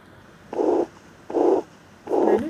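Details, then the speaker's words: Heart murmur in a nursing cardiovascular physical exam demo: repeated blowing, whooshing sounds at about 75 a minute from regurgitant flow through a leaky aortic or mitral valve. "punya jantung selanjutnya yang abnormal atau bunyi jantung tambahan adalah bunyi murmur juga Hai jadi seperti anda semburan gede atau namanya regurgitasi atau Artha maupun Mitra"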